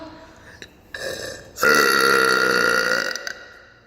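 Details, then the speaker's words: Woman deliberately burping in an empty public women's bathroom at a concert: a few short gulps, then one long, loud, resonant belch echoing in the room; burping. "so I'm gonna see sorry for my fans love how the burping acoustics are in here"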